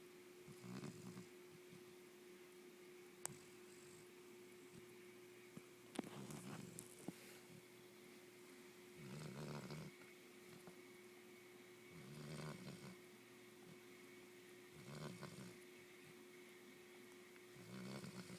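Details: Lazy Great Dane puppy with a sunburned nose snoring: regular low rattling snores about every three seconds, roughly 20 a minute, over a steady background hum; snoring.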